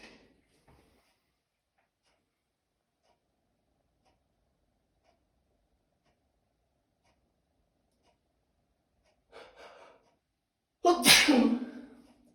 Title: Allergies already ? Second bigger sneezing fit in two days